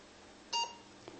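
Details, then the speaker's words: Roche CoaguChek XS Plus INR (warfarin) meter demonstration: a 10-microlitre hanging drop of finger-prick blood is applied to the test strip, then a single short high beep signals sufficient blood. The reading comes within seconds as 0.9. "until the meter beeps telling me that it has sufficient blood"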